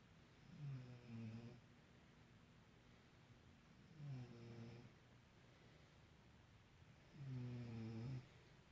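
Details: Low rattling snores on each breath, about three in nine seconds (roughly 18 breaths a minute); snoring.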